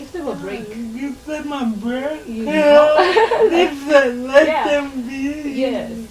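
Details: Dysarthria in a 27-year-old woman who has lived all her life with cerebral palsy, in a real, unscripted conversation.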